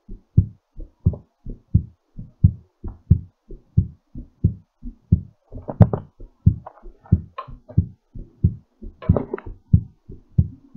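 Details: Normal heartbeat recovering from exercise: strong, regular paired heart sounds at about 90 beats a minute, a little fast, with a few brief noise bursts.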